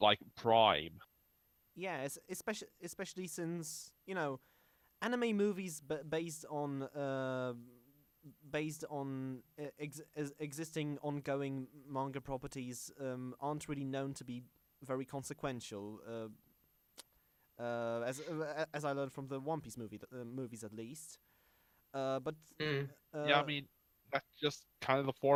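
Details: Stuttering in a podcast host who calls himself a stammering host, on a show combining podcast and speech therapy; stuttering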